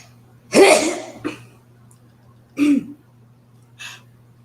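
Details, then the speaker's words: Adult woman: a single forceful, intense sneeze with a sharp explosive burst, followed by quieter breathy after-sounds; sneeze. "I might sneeze again I don't know that was intense that was a big sneeze"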